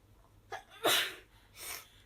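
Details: Japanese girl sneezing: quick intake of breath, then a sharp hissing sneeze burst and softer trailing exhale; a single ordinary sneeze.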